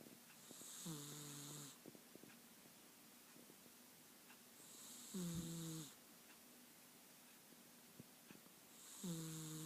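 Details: Calico Himalayan cat snoring while asleep with one eye open: three regular buzzing snores, about 15 breaths a minute, with a whistling edge and quiet gaps between.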